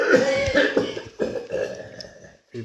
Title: The way he's coughing tho😂😂